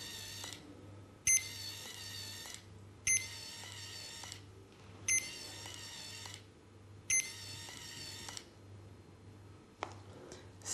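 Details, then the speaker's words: Repeated high electronic tones at about 30 per minute from a CADD Legacy PCA morphine pump while the tubing purge runs; training demonstration. "vous entendez alors une série de trois clips des tirs et s'affiche à l'écran appuyer de nouveau sur le bouton et maintenu le la purge est en cours"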